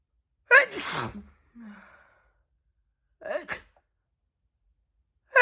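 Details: Night-time wet sneezing from a woman with an itchy nose in a hot bedroom: two explosive sneezes, the first with a wet, spraying release and a short breathy sound after.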